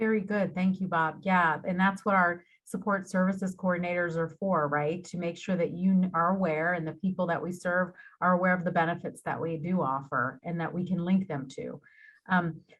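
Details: Adult speaker; normal speech.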